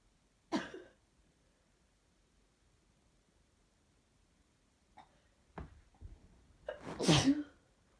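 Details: Female sneezing attack from allergy: a short sneeze, then catching breaths building into a forceful explosive sneeze.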